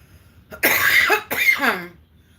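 Two quick, harsh adult coughs, the second ending in a brief voiced throat-clearing sound.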